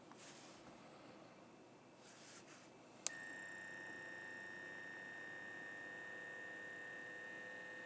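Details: Blood pressure measurement taken alongside a smartwatch test: a click, then a steady, even motor whine as the monitor pumps up its cuff; quiet room; reading about 140/80.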